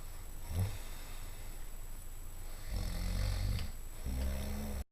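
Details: Adult man snoring: deep, low rumbling snores on the in-breaths, heard close up against a steady background hum.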